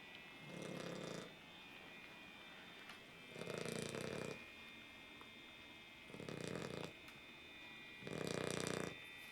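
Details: A puppy snoring during sleep: four rough, rattling snores about every 2.5 seconds, roughly 24 a minute, with a steady background hum between them.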